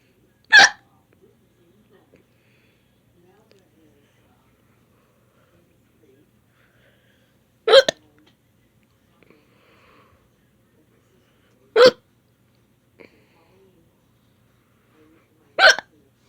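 Four sharp, brief voiced hics spaced several seconds apart against near silence, typical hiccups.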